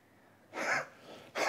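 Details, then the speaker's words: Adult male during a swallow test, short of breath with quick, noisy breaths just after swallowing and pulse oximetry dropping a further 2%, raising possible aspiration; audible residue heard on cervical auscultation. "Go's a little bit short of breath now and he's gone down another further 2% on the pul"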